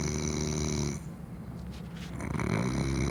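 Loud, low rattling snore on the breath, with a short quieter pause between breaths; steady room hum in the background.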